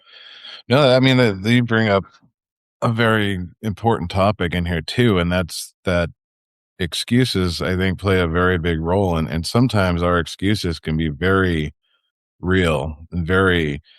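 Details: Adult man speaking; typical speech.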